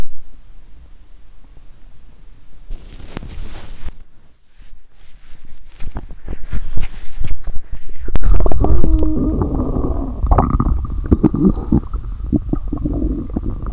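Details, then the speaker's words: Bowel sounds recorded while lying down, stomach empty apart from several lactic-acid (Yakult) drinks, microphone held by hand: active, frequent gurgling and rumbling bursts, described as louder and more varied than usual digestion. ""My stomach is rumbling a lot 😳". "The sound of my stomach is getting louder 😅"."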